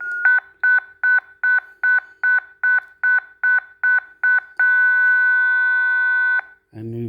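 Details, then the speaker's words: A training defibrillator, switched from monitor mode to AED mode and then to manual mode, is set to 150 joules: rapid repeating beeps merge into a continuous tone as it charges. Defibrillator charging tone. "if for some reason we push shock by mistake we can always drop the charge by deselecting or after 45 seconds it will dump the charge by itself"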